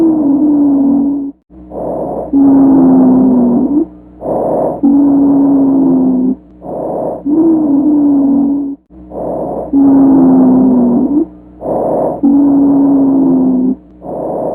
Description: Wheeze on chest auscultation can be polyphonic or monophonic.